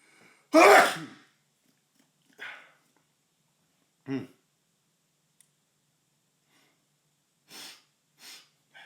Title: Tickly Nose, Loud Sneeze 1 (M)